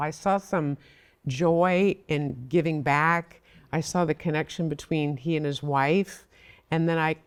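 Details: Adult speaker; Normal speech.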